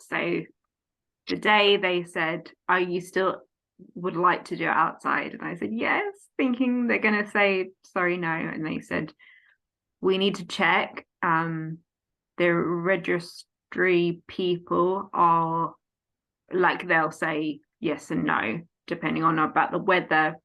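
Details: Adult woman, 14 years after a stroke at age 18, with post-stroke aphasia affecting speech, reading, writing and understanding numbers; aphasia.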